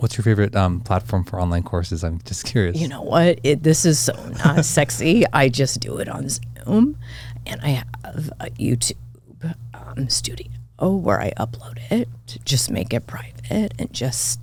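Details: Adult woman diagnosed this year with spasmodic dysphonia; vocal cord spasms make her voice cut in and out, sometimes hoarse; she attributes it partly to voice overuse as a podcast host and to stress; real, occurring during interview; spasmodic dysphonia.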